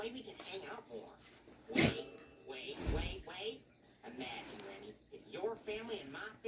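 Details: Puppy at play: a sharp explosive sneeze and a second noisy puff over soft snuffling and background talk; sneezing.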